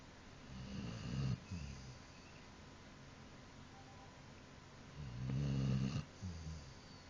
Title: snoring dog... so funny